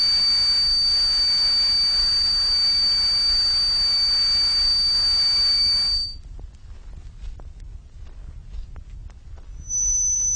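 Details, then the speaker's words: Simulated tinnitus from an electronic synthesizer: steady high-pitched ringing over hiss, then faint crackling and another high tone, representing moderate to very loud tinnitus heard continually inside the head. "the loudness of the sounds varies considerably but all these patients had tinitus estimated to be moderate or very loud in intensity"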